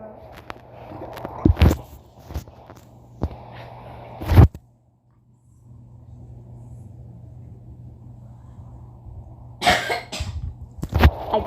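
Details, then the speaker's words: A person who is feeling unwell, coughing while playing a video game: several sharp cough bursts, a brief quiet gap, then more coughs and throat clearing over low room noise. "you do not mind me coughing i'm just a little not feeling good"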